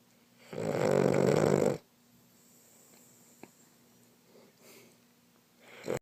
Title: Whose snoring?